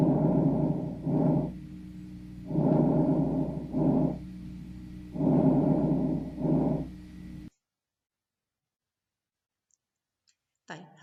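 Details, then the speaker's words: Recorded normal vesicular breath sounds from a chest auscultation lecture, described as breeze-like: soft, low rustling, inspiration longer than expiration. "احنا دلوقتي هنحاول نسمع صوت البلديه كلها بريزون بس خلي بالك بصوت تسجيل يعني هو مش زي الصوت اللي انا هسمعه على التشيست بتاع اي شخص نورمال"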